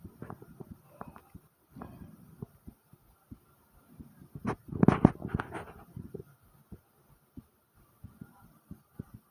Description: as my heart is beating fast with thumps my stomach makes its presence known as well so enjoy and like and comment #heartbeat #stomach #asmr